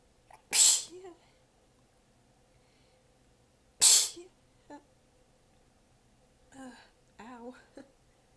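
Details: Two strong sneezes, then softer sighs and tired breathy sounds, within a massive fit; the person was exhausted with sore abs and biting sneezes back. Sneezing fit.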